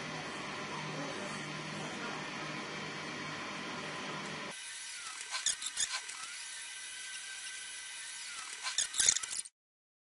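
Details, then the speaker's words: Hemodynamic ABI monitor for four-limb simultaneous measurement, ankle cuffs placed 1 cm above the ankle with settings on auto, patient relaxed: steady pump hiss, then quieter mechanical hum with faint clicks and squeaks as all cuffs inflate automatically. "'s just a case of pressing the button and the new screen will come up and the patient's all comfortable and relaxed and it'll actually inflate all the cuffs automatically."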